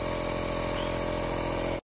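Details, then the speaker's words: Medtech Handyneb Smart compressor nebulizer just switched on, air flowing through the tubing: steady loud mechanical hum and hiss of the running compressor. "आप देखें। हवा चल रही है। यह शुरू हो गया है।"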